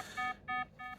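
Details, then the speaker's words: In an adult woman with 22q11.2 deletion syndrome, having a massage for a migraine and in pain, three evenly spaced bedside monitor beeps sound as her heart rate drops to 43–47 per minute while oxygen saturation holds at 97; low heart rate alarm. "Your heart rate's just dropping out on me at the moment. So, we'll keep an eye on it closely."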